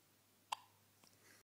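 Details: Newborn on day 4 of life with hiccups for the first time, in the morning: one abrupt little hiccup click in a quiet room, with a faint softer sound after.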